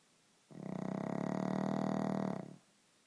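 One long, rattling, buzzing breath lasting about two seconds, typical of a snore from a short-nosed dog.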